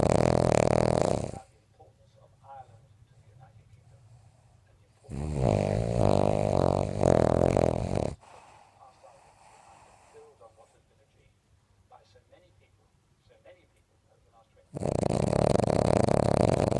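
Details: Sleeping dog snoring loudly: loud, rough, fluttering snores in long bursts with quiet pauses between them: ordinary snoring.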